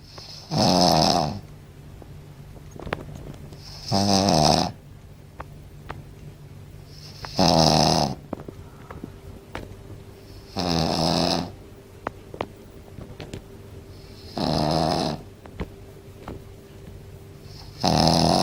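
Loud rattling snores with quiet pauses between them, about 17 a minute: regular snoring.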